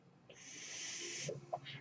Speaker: noise you're hearing is my ventilator